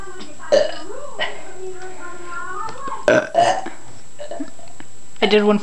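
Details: A person, after drinking a beverage and while trying to pop knuckles, burps on purpose: three loud, low, rumbling belches with room noise and faint talk between them; ordinary burping.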